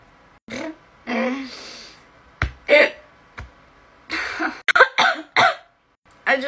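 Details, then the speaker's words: Vocal tics with painful hiccups in a person with Tourette's who also has a sore throat. "guys guys i have hiccups it's not much different [ __ ] off from having tics and it's the kind that hurt and i have a sort of throat today which makes it so much worse [ __ ] off pleasant please send help"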